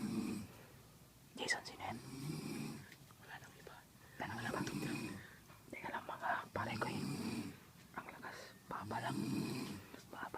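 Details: Snoring from someone heard nearby while friends played a video game, growing louder as they searched; soft, irregular snoring with rough breathy sounds on each breath, background whispering and room noise.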